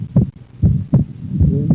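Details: Patient breathing in and out on instruction. Low heart sounds at about 75 a minute with a widely split second heart sound from right bundle branch block.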